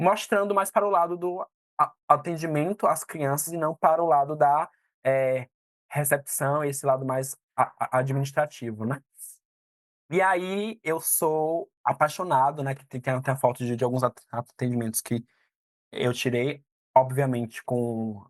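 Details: 22-year-old Brazilian man who stutters, a psychology student and stuttering support-group moderator, speaking Portuguese in a presentation; stuttering.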